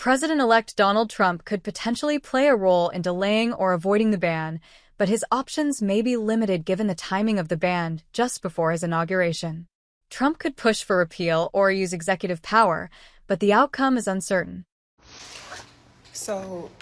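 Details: Adult speaker; normal speech.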